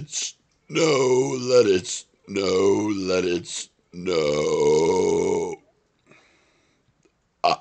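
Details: Burping outdoors on a 2nd-floor porch during a cold snowstorm: three long, loud, voiced belches, each over a second, rough croaking tone, brief pauses between.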